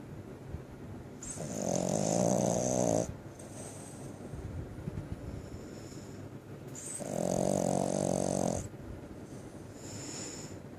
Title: Gambit snoring